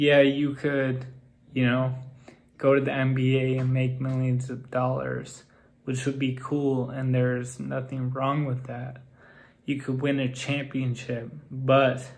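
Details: Man with Friedreich's ataxia whose speech has become progressively more impaired, so listeners assume he is drunk or on drugs; ataxic dysarthria.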